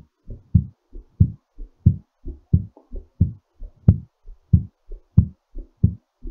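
Strong, regular lub-dub heartbeat at about 90 beats a minute, a fast but normal rate while recovering after exercise.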